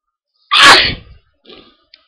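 One sudden, loud, explosive burst of air with a short trailing noise after it; a single sneeze.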